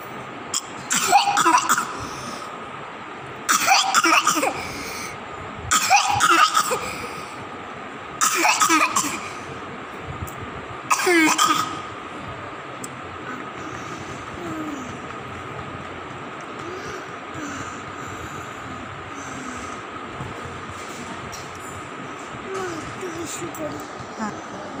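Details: Infant coughing for a month despite many medications; echo, chest X-ray, throat X-ray and blood tests done without a diagnosis found. Five separate cough bursts over about twelve seconds: persistent cough.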